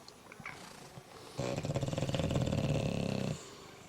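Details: A loud, rumbling, fluttering snore lasting about two seconds from a sleeping bulldog; snoring.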